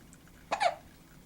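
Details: One short, abrupt hiccup from a female in a quiet room: hiccups.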